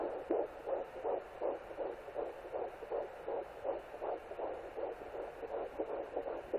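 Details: Fetal heartbeat at 11 weeks 0 days on a Sonoline B pocket fetal Doppler: rapid, regular whooshing pulses around 160 a minute over steady hiss, within the expected range.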